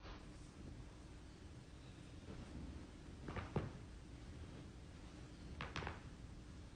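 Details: Joint cracking (crepitus).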